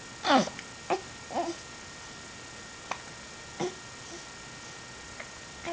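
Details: Brief, sharp, gulping hiccups at irregular intervals, about six in a few seconds, in a quiet room.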